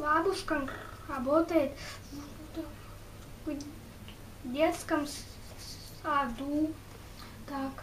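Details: Residual stuttering in a boy, one year after completing a stuttering treatment course; Russian speech.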